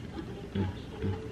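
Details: Fetal heartbeat of an active baby on a labor monitor during induced labor: two soft, whooshing low thumps about half a second apart.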